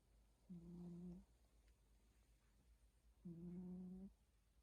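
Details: Snoring in a sleeping cat: two slow, low, buzzing breath sounds a few seconds apart in a quiet room.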